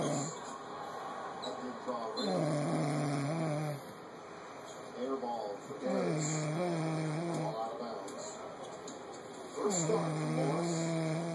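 Slow, rumbling, drawn-out breaths with a vibrating tone, about 16 a minute, over hissy background noise; snoring.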